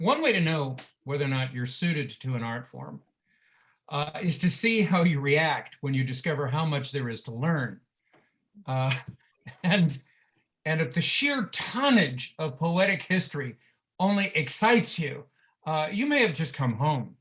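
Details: Adult speaker; Normal speech.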